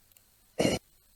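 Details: Throat clearing in a muscle tension dysphonia context; laryngoscopy shows glottic and supraglottic closure building subglottal pressure, then a release with the folds slamming shut, mainly at the front; throat clearing.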